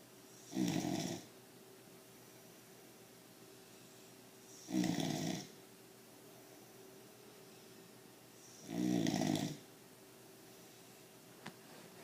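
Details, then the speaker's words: Pit bull puppy asleep on owner's lap: three loud, rattling snores about four seconds apart, roughly 15 a minute, with quiet between; snoring. "He snores like a grown man. He doesn't hear nothing."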